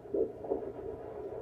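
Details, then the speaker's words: Rapid, soft whooshing pulses on a handheld Doppler at 12 weeks of pregnancy, found with difficulty as the baby keeps moving: fetal heartbeat on Doppler. "heartbeat baby's heart oh man this is impossible"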